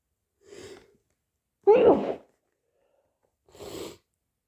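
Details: Hay fever sneezing: a soft sneeze, a loud forceful sneeze, then a softer third, separated by silence.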